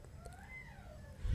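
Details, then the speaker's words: A faint, distant cry from a baby niece who wants to go out: a single rising and falling wail over low room hum; infant crying. "I hope you guys can hear the noise of a baby crying. She's my niece. She's crying and she wants to go out."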